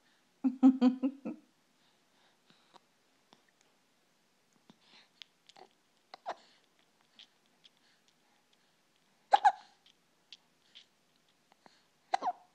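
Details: A girl with recurring hiccups: a short voiced burst followed by several sudden catching sounds in the throat, with quiet gaps between them.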